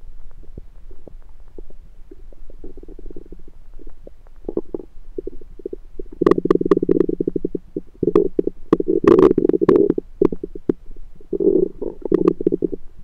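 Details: Own abdomen recorded with a USB stethoscope on the belly: bubbling, gurgling rumbles building into long runs of rapid gurgles; ordinary bowel sounds (borborygmi).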